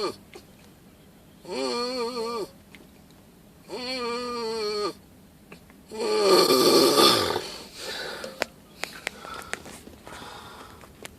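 Loud, drawn-out buzzing snores with a fluttering, rattling tone, about one every two seconds, in a quiet room: heavy snoring.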